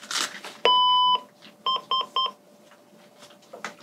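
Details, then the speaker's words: Patient monitor switched on by a paramedic during a demonstration of a pediatric patient assessment, before blood pressure measurement: one long electronic tone then three short beeps in a quiet room. "all right turn this monitor on it might beep make some noises"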